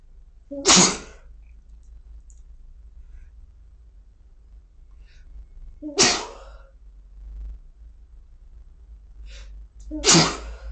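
Three loud, sharp sneezes about five seconds apart in a quiet room.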